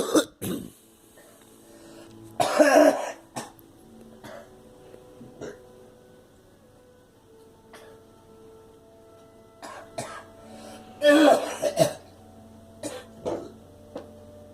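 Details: Girl coughing in short scattered bursts, with two louder coughing spells and softer throat-clearing sounds.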